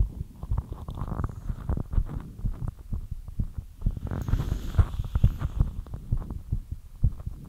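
Rapid, deep low thumps of a heartbeat sped up after light exercise, a normal response to exertion.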